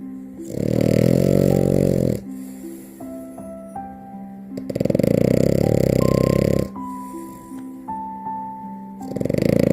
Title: FINN THE FRENCHIE SNORING GETTING MOMMA CUDDLES #frenchbulldog #frenchie #sleepypuppy #snoring #dog